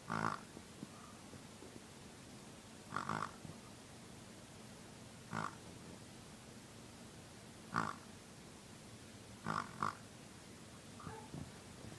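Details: A sleeping pig, said to have night terrors, being spooned by a cat: short grunting snorts every two to three seconds over a steady hiss; snoring.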